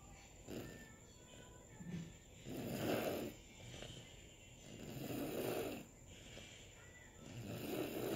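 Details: Rough, rattling snores with each breath during sleep, about 24 breaths a minute, quieter gaps between; ordinary snoring.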